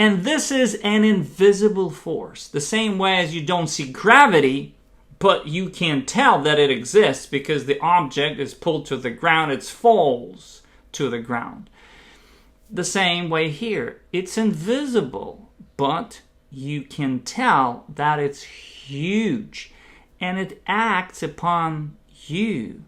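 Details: Adult man who identifies as a person who stutters and uses the hand stuttering technique; stuttering.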